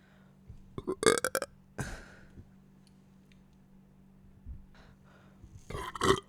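Several loud, rough belches come in bursts, with quiet gaps between them. Burping after eating.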